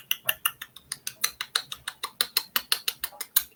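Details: Vocal tic (repetitive noises), given as an example of a tic during a talk on obsessive-compulsive disorder.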